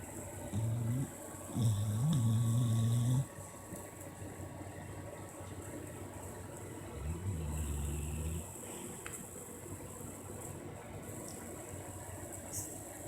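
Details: Sleeping Pitbull dog snoring and dreaming, so deeply asleep that food placed on him did not wake him: low, rumbling snores at irregular intervals against steady room noise.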